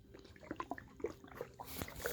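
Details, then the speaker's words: Stomach gurgling (borborygmi) recorded by pressing a phone onto a child's belly while moving the stomach: short bubbly, squelching gurgles and liquid blips. "you can hear the most HD quality like audio of this just like the nastiest juices swirling around in my stomach"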